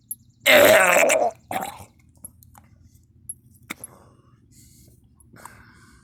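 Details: Person coughing and vomiting repeatedly with nothing in the stomach: one loud, harsh, drawn-out cough with a retching quality, then a shorter second cough, followed by quiet room noise.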